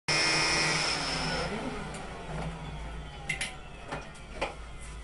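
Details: Cast saw removing a cast after toe surgery: loud whirring motor whine that fades into quieter rustling and clicks as the saw cuts through the cast.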